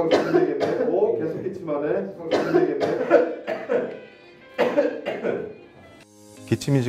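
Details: Short, voiced cough bursts in a repeating pattern over background music, recorded to demonstrate a deep-learning cough recognition model with a sound camera locating coughs in real time; cough.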